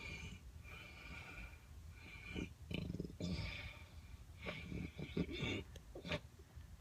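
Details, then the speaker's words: Adult man snoring after a night of drinking: loud, rough, rumbling snoring with rattling breaths in and out and some snorting; heavy snoring. "This is what it's like sleeping next to him when he's been drinking."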